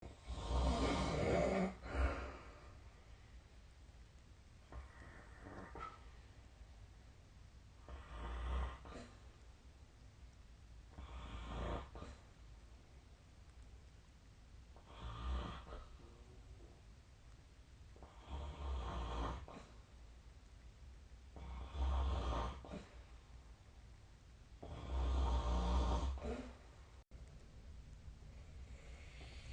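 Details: Loud, low, rumbling snores repeat with each breath, about 17 breaths a minute, during sleep: snoring.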